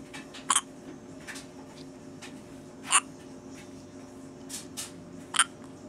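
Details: Baby with hiccups while trying to eat: three sharp hiccups about two to three seconds apart over quiet room noise; hiccups during feeding.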